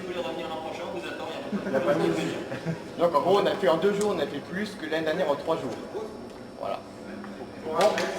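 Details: Adult man speaking French; Ordinary speech.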